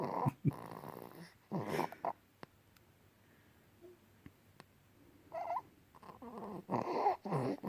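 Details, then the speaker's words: Baby boy fast asleep after nursing and a warm bath: soft, rough, purring snores in irregular bursts between quiet pauses; light infant snoring. "He snores a little."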